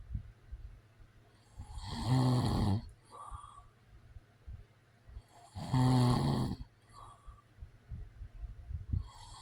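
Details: Real recording of a man snoring: loud, rattling inspiratory snores, about 16 breaths a minute, with quiet exhalations between them.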